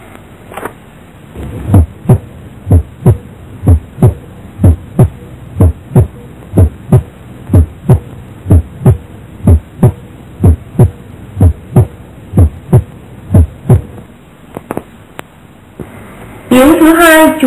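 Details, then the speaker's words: Regular paired heart sounds at about 62 beats a minute with a steady low hum, heard at the heart base; normal heart sounds. "chúng ta cùng nghe nhạc tiếng tin bình thường ở đáy tim"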